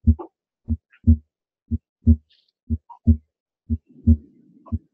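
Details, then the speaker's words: Harvey cardiology patient simulator, stethoscope at right upper sternal edge, normal condition: crisp, regular lub-dub pairs at about 60 beats a minute, no murmur, timed with a pulse; normal heart sounds. "hopefully you all are hearing heart sounds [Applause] i'm putting my hand on a pulse to feel the pulse i can imitate the sounds based on that timing"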